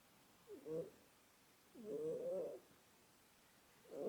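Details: Male cat snoring while asleep: soft, rhythmic, raspy snores, each breath a brief fluttering rumble with quiet pauses between.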